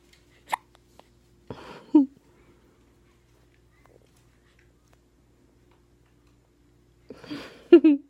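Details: Hiccups in a seven-day-old newborn: a few brief, sharp hiccup sounds spaced several seconds apart in a quiet room.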